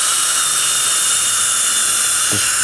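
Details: Continuous loud, high-pitched whine with hiss of a high-speed dental drill with burs, adjusting the bite on a glazed porcelain restoration (inlay, onlay or crown) after placement, during a dentist's demonstration.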